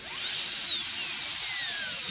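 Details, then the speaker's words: High-speed dental handpiece with a carbide burr giving a steady high-pitched whine with sweeping tones as it cuts the seized nut of a stuck low-speed Midwest shorty handpiece; a second cut is made about 90 degrees out to spread the nut, with light room noise. "And really what we're trying to do is give ourselves room to flex. What we're trying to do is be able to kind of spread that nut apart. And free the handpiece."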